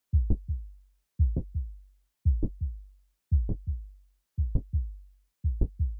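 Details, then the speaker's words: Teaching recording: mitral valve prolapse, leaflets bowing back into left atrium; regular heartbeat near 57/min with sharp mid-systolic click between heart sounds. "فيسمى هذه الحاله يسمى المرمر لكرش سستك مد سستك كليك هاي الضربه اللي صير يما يم يما يم يما"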